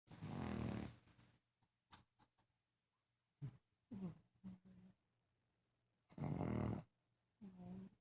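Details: Habitually loud snorer: irregular low rumbling snorts and snoring breaths with quiet gaps between them; snoring.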